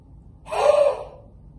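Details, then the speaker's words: A single forceful open-mouthed breath out squeezing all the air out: a demonstrated huff (forced expiration) in the active cycle of breathing technique, used to clear sputum in bronchiectasis, COPD, CF and chest infections. "which is a tough way taken all right then oh I squeeze all the air out some people might refer to vests and steam your camera or if gonna kill your glasses"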